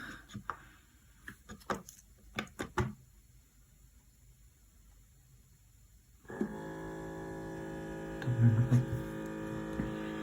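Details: Scattered clicks and handling sounds, then a steady motor hum as the cuff of an OMRON automatic home blood pressure monitor inflates during a reading: automatic blood pressure monitor cuff inflation.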